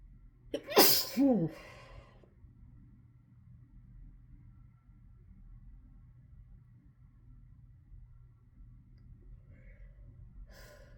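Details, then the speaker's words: Adult sneezing into hand during an unusually intense sneezing fit after a sneezy, rainy morning: one loud, forceful voiced sneeze, then quiet room noise and a faint sniff, with nasal congestion and needing to blow nose; sneeze. "Okay, I absolutely need to go blow my nose. I think maybe that one fit in the middle there. Oh my god, I have never sneezed like that in my life."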